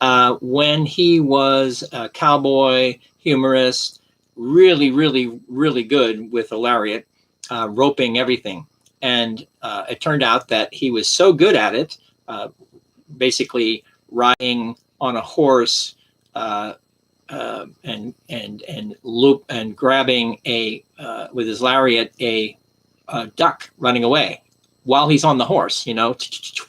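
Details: Stroke survivor with aphasia, recovering through self-therapy and self-motivation, who notes that some damage still remains as he improves; aphasia.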